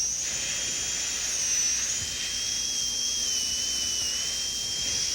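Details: Steady high-pitched whine of a high-speed dental drill with faint water-spray hiss on a maxillary second premolar prepared for a porcelain-fused-to-gold veneer.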